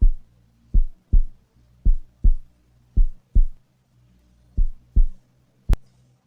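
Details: Clear paired lub-dub beats at about 55 a minute with no murmur, heard at the tricuspid area (fifth left intercostal space, parasternal) of a female patient: normal heart sounds.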